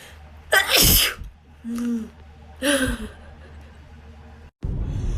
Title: Wet sneeze compilation